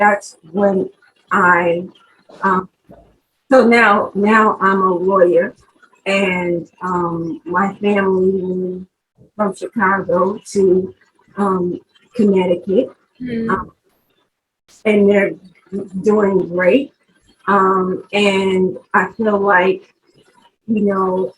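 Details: Aphasia in a 43-year-old woman after a stroke in 2020 that left her unable to talk; she has had several speech therapists and still takes her time when talking. Finding: aphasia.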